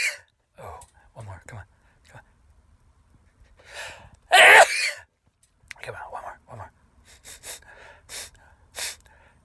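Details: Sneezing fit in a sneezing compilation with many sneezes in a row: several sneezes with gasping breaths between them, one much louder burst in the middle, quiet room noise.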